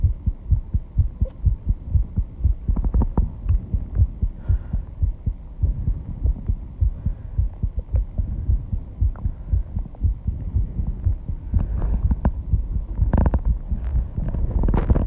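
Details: Rapid heartbeat after intense exercise, reported at 134 bpm and heard without a microphone at first: fast, strong, regular thumps around 120 a minute, with heavy breathing building toward the end.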